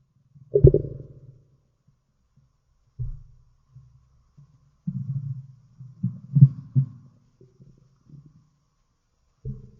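Irregular low gurgles and rumbles coming in bursts; ordinary stomach growling.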